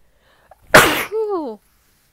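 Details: Sneeze during a cold: a quick intake, then one loud explosive sneeze, followed by a short falling voiced sound; a single sneeze.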